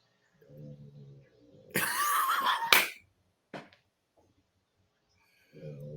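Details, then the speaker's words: Man snoring, described as sounding like he's sawing logs: low, buzzy rattling snores about a second each, broken by a loud burst of noise in between. "What you there it is. It sounds like he's sawing logs."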